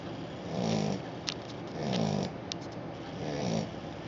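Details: Sleeping Australian Shepherd puppy: soft, regular snores, about three in four seconds, with low fluttering breath sounds between them.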